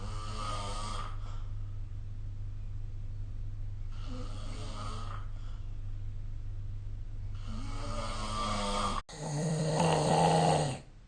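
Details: Snoring recorded with a smartphone snore-recording app: three rough, rattling snores on in-breaths about every four seconds, roughly 15 breaths a minute, over a steady low room hum.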